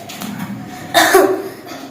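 A child gives one short, voiced cough, imitated as a classroom demonstration.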